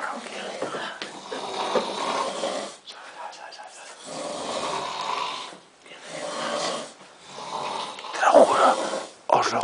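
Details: Loud, rough, rattling snores in repeated cycles with quiet pauses between breaths; ordinary heavy snoring.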